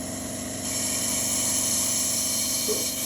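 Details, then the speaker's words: Double-bottle trolley suction machine running: steady motor hum with rushing, hissing airflow rising as a finger covers the suction cannula tip, vacuum building on the gauge; demonstration of proper suction. "we are going to switch on the machine now see we have started the machine there is no suction because the suction cannula is offered whenever you apply your finger here it will start suctioning"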